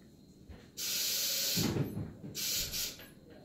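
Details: Anesthesia machine leak test with the breathing tube occluded by thumb: loud bursts of rushing gas hiss as oxygen is flushed into the reservoir bag until the manometer reads 20.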